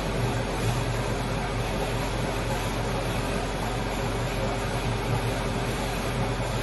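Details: 5-axis dry chairside dental CAD/CAM milling machine running: a steady low mechanical hum with a constant motor drone.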